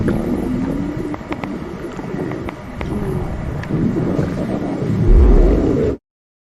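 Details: Stomach growling (borborygmi): low rumbling with brief squeaky gurgles and creaks rising toward the end.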